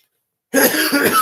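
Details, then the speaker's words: An adult man with cerebral palsy who uses a wheelchair clears his throat in two quick rough bursts after a short silence; he says he sometimes gets a dry throat. "Excuse me, 1 second. I got a dry throat sometimes."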